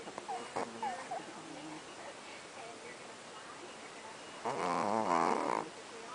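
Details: Little Chihuahuas asleep, who snore often, usually louder: soft rattling breaths with faint whines, then a louder rough snore near the end; sleeping dog snoring.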